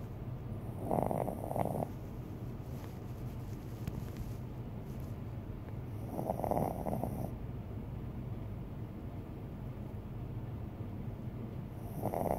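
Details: A person snoring: three rattling snores, one on each breath in, at about 11 a minute, over low steady background noise.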